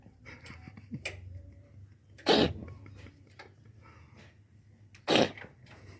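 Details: Cat coughing; the owner attributes it to eating too many house lizards. Two sharp, explosive cough bursts a few seconds apart over quiet room noise.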